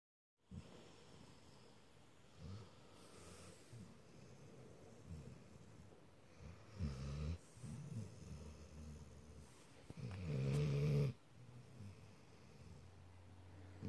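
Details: A male dog asleep while cuddling: soft, low rumbling breaths with snorting bursts and a few rattling snores over about 14 seconds; his snoring can get loud and almost human-sounding.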